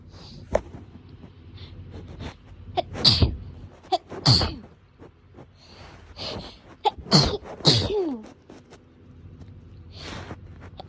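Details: Repeated forceful sneezes, each a sharp intake then an explosive burst; allergic hay fever sneezing, one of several filmed over 3-4 days.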